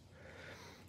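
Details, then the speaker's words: Bubble CPAP setup on a high-flow stand at about 10 litres per minute: water bubbling in the bubble canister from the expiratory limb, heard bubbling well. "enough so you can hear it bubbling pretty good"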